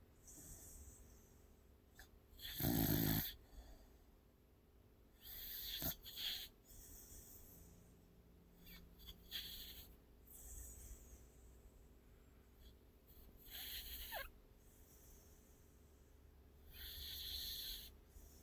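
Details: Sleeping pitbull dog: irregular noisy breathing with a few louder snorting bursts; snoring.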